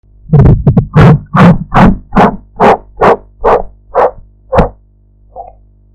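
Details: Blood pressure measurement practice recording with a sphygmomanometer and enhanced audio: a run of sharp, rhythmic tapping beats that start abruptly, stay loud, then soften and fade, Korotkoff sounds.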